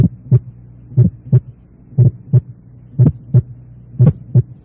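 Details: Heart sounds from an auscultation teaching recording: a pulmonary ejection sound, also called an ejection click.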